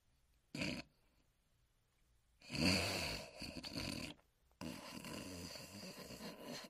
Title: Huckleberry Hound Sleeping & Snoring